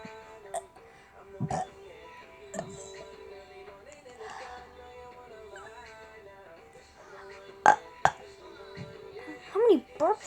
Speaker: Oh my god, I have so many burps. Ooh.